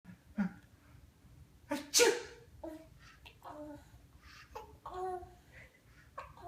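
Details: Single sharp, explosive sneeze amid a young child's babbling and vocal sounds.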